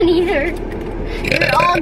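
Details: Girl eating on camera (mukbang): one long, loud, voiced belch lasting nearly two seconds, followed by "excuse me"; burping.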